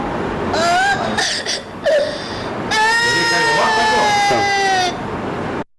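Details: Infant dysphonic cry from a laryngeal web: high-pitched, strained, cat-like cry with rough, hoarse quality.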